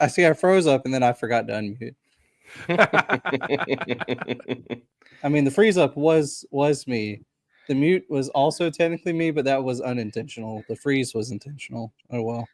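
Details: Adult man speaking; Normal speech.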